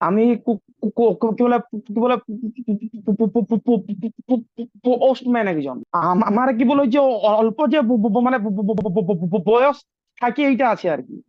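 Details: Stammering in a man of about 29, recorded on day one of online stammering training, before therapy; repetitions of the first letter of words and long struggles to get words out.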